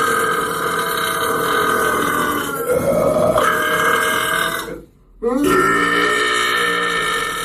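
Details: Two long, loud, drawn-out belches separated by a short gap, from a burping meme clip; ordinary burping.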